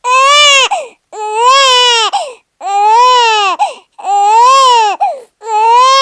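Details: Newborn baby crying a lot, a sound-effect recording: loud, high-pitched, rhythmic wails, each about a second long, separated by brief breaths.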